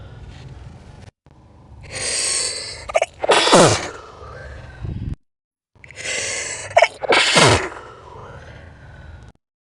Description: So my sneezes in this video we'll be slowed down.